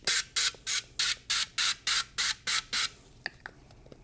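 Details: Nursing demonstration of urinary catheterization, simulated: ten short, regular hissing lubricant spray bursts, about three a second, applied into the catheter kit before insertion, then faint handling clicks.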